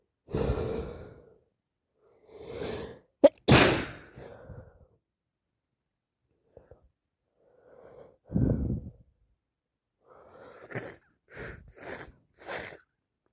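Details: Person with an ongoing cold, also sniffing and coughing: gasping inhalations build to one sharp, forceful sneeze, then breathy sighs and quick sniffs; sneezing.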